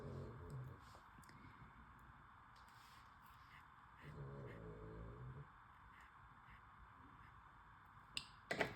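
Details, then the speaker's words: Pet snoring while asleep in a quiet room: two soft, low, rattling snores about ten seconds apart. "Can you hear Cubby snoring?"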